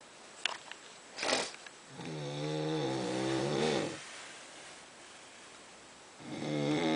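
Two long, buzzy, droning breaths with a quiet pause between, typical of snoring during sleep.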